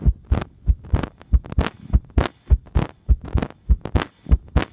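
Low thudding heartbeats, somewhat irregular in spacing, roughly 100 a minute, with faint background hum.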